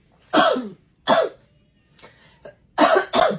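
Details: Several loud, harsh acted coughs from an adult in a cough-medicine commercial skit, with itchy throat mentioned and quieter throat sounds between; cough.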